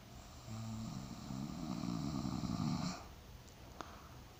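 One long, low, fluttering snore lasting about two and a half seconds in a quiet room; snoring.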